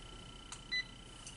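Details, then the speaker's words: Alaris IV infusion pump switched on with the power button in a skills lab demonstration: single short electronic beep amid quiet room noise and faint clicks. "So I'm going to turn it on, which is turn the power button here."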